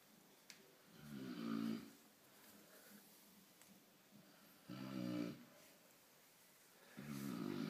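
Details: Newfoundland dog snoring in deep, rumbling bursts, roughly one every three seconds, with quiet pauses between.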